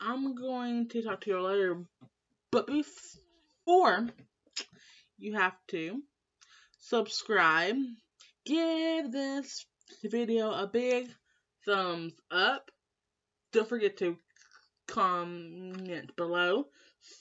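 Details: Young female with lifelong stuttering since starting school, always in speech class; worse when stressed; family history, as an uncle stutters when excited; stuttering.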